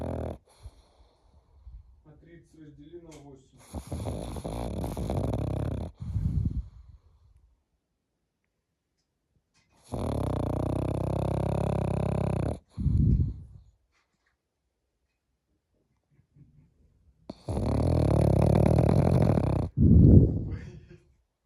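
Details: A pug snoring: three long, loud, rattling snores with short snorts between, each separated by silent pauses; noisy flat-faced dog breathing.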